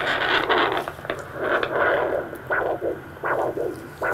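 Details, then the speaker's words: Doppler probe with gel placed just in front of the ear during a functional analysis demonstration: rhythmic whooshing pulses, about 80 a minute, of normal arterial blood flow. "and next we'll doppler so you need this little gel to transmit the doppler easier so i just put it on the area usually it's right in front of the ear right here somewhere around here"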